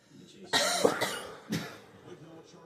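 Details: Dog being filmed: two harsh cough bursts in quick succession, the first longer, in a quiet room.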